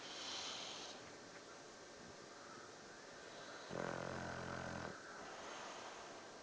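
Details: A Victorian Bulldog snoring in sleep: soft noisy breathing with one louder, low rattling snore over background hiss.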